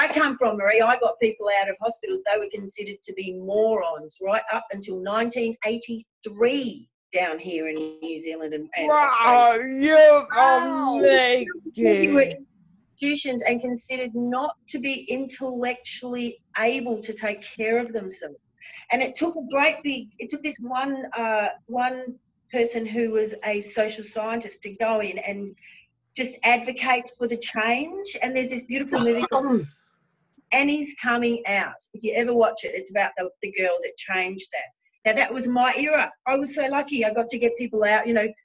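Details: Adult woman speaking; typical speech.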